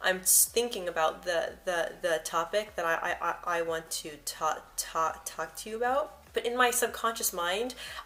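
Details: Adult woman who describes herself as a person who stutters, with frequent word and part-word repetitions and blocks mentioned; stuttering.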